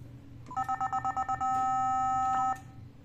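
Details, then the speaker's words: Nihon Kohden TEC-5631 defibrillator basic check giving an intermittent defibrillation check error, cause stated as low power output: a series of quick two-tone beeps, then a sustained tone, a defibrillator error alarm. "yan guys ito yung problema niya guys error so Ayan oh defibrillator check defibrillation check error"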